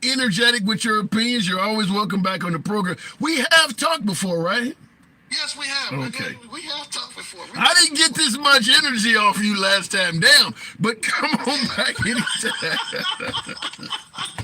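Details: Adult men in conversation; normal speech.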